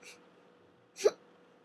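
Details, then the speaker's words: A single sharp, hiccup-like catch of breath, a respiratory tic where the breath is drawn in and abruptly stopped. The person has been off medication for about two months and reports worsening tics. "that one um i know it sounds like a hiccuping tick but actually i it's a breathing tick where i breathe and i stop"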